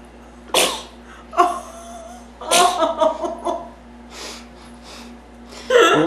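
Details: Young child sneezing on a gingerbread cookie while decorating cookies; a few sharp, explosive sneeze bursts with brief voiced sounds between them in a quiet room; sneeze.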